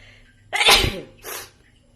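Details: A single loud, sharp sneeze burst with a softer trailing breath, a cartoon sneeze sound effect: sneezing.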